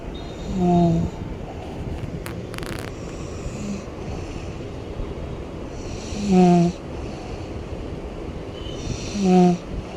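Three loud snores with a whistling, buzzing tone at irregular intervals over steady background noise; ordinary snoring.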